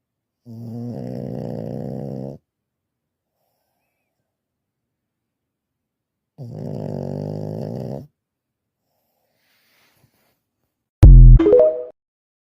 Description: Pugs snore worse than men....🤣🤣